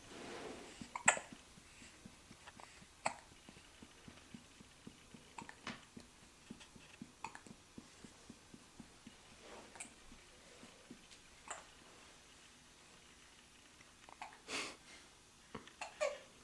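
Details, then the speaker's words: Girl with hiccups: short, sharp hiccups about every two seconds, about seven in all, in a quiet room with faint ticking. "got the hiccups."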